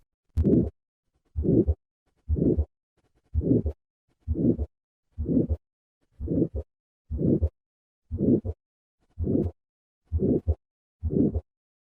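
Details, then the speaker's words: Stage C aortic stenosis, listening to the second heart sound: regular heartbeat near 60 a minute with a harsh systolic murmur filling each beat; aortic stenosis murmur. "listen to a patient with stage c aortic stenosis and notice the second heart sound"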